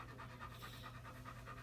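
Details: Older German Shepherd with rear leg weakness, after a chiropractic adjustment while the toes are checked: quick, rhythmic panting, about five breaths per second, over low room hum.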